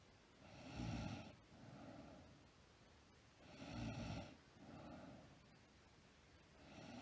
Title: Sleep Girl Snoring